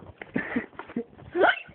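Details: A few short, abrupt gulping hiccups in quick succession from a woman with hiccups after a night out, while others laugh.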